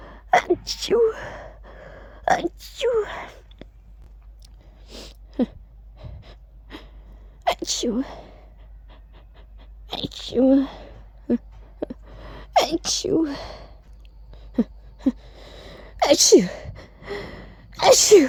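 A run of sharp sneezes, several voiced as a spoken "achoo," with brief inward gasps and sniffles between.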